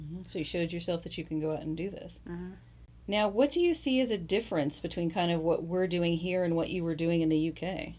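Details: Adult speaker; typical speech.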